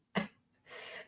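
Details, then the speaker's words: Chronic cough in an adult woman who has never smoked but has postnasal drip, asthma and a floppy epiglottis: a single harsh cough burst followed by a noisy, breathy exhalation, described as a smoker's-like cough. "And yet here I am blessed with the worst sounding smoker's cough in existence. I sound like a dying whale that smoked 15 packs a day for its entire existence."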